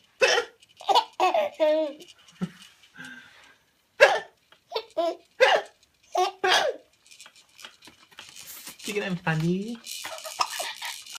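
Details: Adult pretending to hiccup with short, abrupt, voiced hiccup-like gulps, alternating with a young child's giggles and laughter; imitated hiccups.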